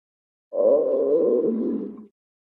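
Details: Stomach growling: a single loud, drawn-out growl lasting about a second and a half.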